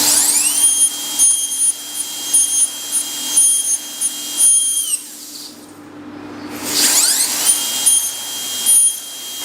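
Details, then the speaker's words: Dental drill running in high-pitched bursts, stopping and restarting, as the bur performs proximal slicing between primary molars with a matrix strip protecting the adjacent tooth, during a Hall technique stainless steel crown on maxillary primary molar 65; slight bleeding expected. "Just three or four of slicing and you would feel that the contacts are big and there would be slight bleeding over here."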